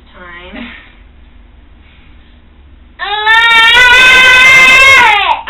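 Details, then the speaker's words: Infant crying as his first cochlear implant is switched on at a low level that is slowly increased; he has never heard before: a short whimper, a quiet pause, then a loud, sustained high-pitched wail. "I mean it's sad that he's crying but I'm happy that there's a response nothing I'm just like you know he's hearing something so it was bittersweet"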